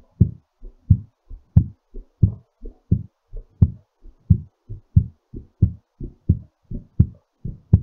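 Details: Strong, regular thumping heartbeat at about 90 beats a minute, a normal heartbeat recovering after exercise.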